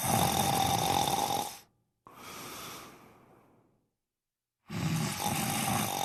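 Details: Loud, rough, noisy snoring breaths broken by abrupt silent gaps from a sleeping person: snoring.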